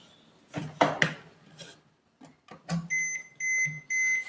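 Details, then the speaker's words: Defibrillator self-test discharge into the machine's internal test load (dummy patient): clicks and handling noise, then a steady repeating electronic beep confirming energy delivered. "Dummy patient ತರ ಅದು ತಕೊಳ್ತೀನಿ >> ಇಟ್ಟು ಇದನ್ನ press ಮಾಡಿದ್ರೆ ಇದು energy delivered ಅಂತ ಬರುತ್ತೆ ನಮಗೆ"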